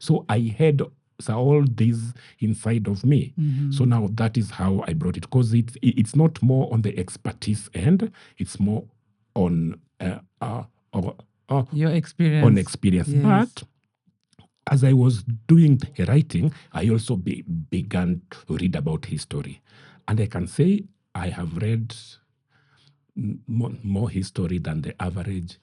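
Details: Adult man who stammers; he says his stammering is genetic, inherited from his mother, and at times acute; word and part-phrase repetitions are heard; stuttering.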